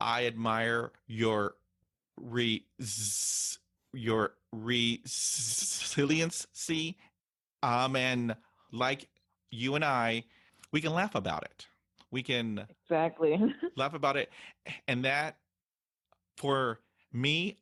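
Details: Adult woman who stutters, interviewed on a stuttering podcast, reporting stuttering hindered her job search and interviews; stuttering.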